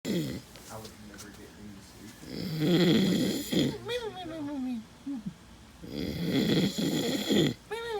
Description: Army Soldier Snoring Hardcore after the battle match and shoot and drill sgt destroys him with sounds.